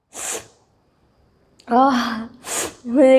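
Two sharp, hissing sneezes separated by voiced sounds like a laugh or exclamation. Sneezing.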